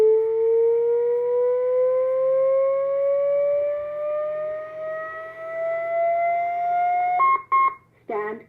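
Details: AED charging tone during a cardiac arrest training scenario with bystander CPR in progress: a steadily rising electronic whine of a training defibrillator charging after a "shock advised" prompt, ending in short beeps before "push to shock".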